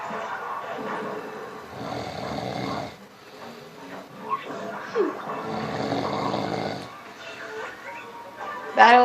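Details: Ordinary snoring: rough, rumbling snores on each breath in, with faint television in the background.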